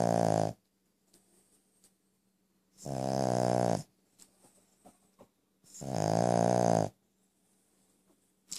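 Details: Brussels Griffon dog snoring while asleep: three loud, buzzy, drawn-out snores about three seconds apart, with quiet pauses between.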